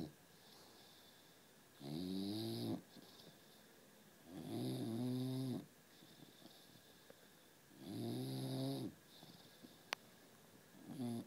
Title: Bulldog snoring